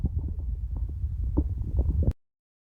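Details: Very hungry stomach growling: low, rolling gurgles and rumbles lasting about two seconds, a normal bowel sound. Stomach growling (borborygmi).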